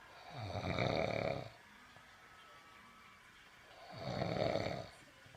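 Two rough, fluttering snores about three seconds apart, quiet between them; ordinary snoring.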